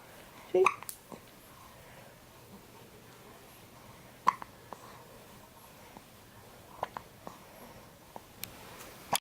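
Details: Baby girl with hiccups: small, sharp, abrupt sounds recurring irregularly, several in under ten seconds, in a quiet room; infant hiccups.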